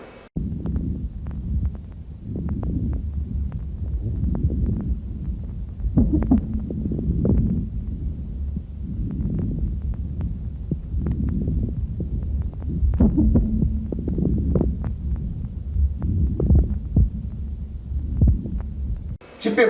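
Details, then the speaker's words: Medium and coarse moist crackles played in a lung auscultation lecture: low, bubbling crackles through each breath, heard on both inspiration and expiration, changing with coughing. "средний и крупнокалиберные выслушивается и на вдох и выдох и меняется при покашливания сейчас прослушиваем"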